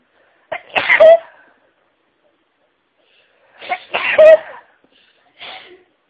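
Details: Two sneezes, each with a sharp in-breath and forceful burst, then a smaller third one, in a short sneezing fit set off while listening to other people's sneezes.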